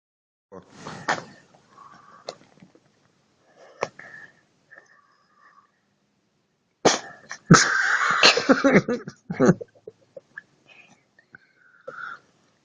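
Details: Cat sneezing repeatedly in short, sharp bursts with a quiet room between them.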